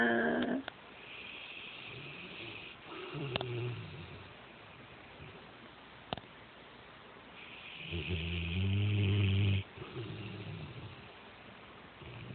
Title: snoring.